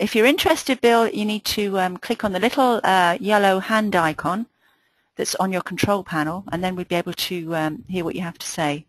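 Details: Adult woman speaking; Normal voice.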